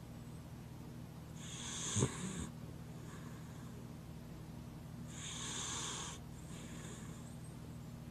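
Two slow, noisy, hissing breaths about four seconds apart with a brief snort, over a steady low hum; snoring.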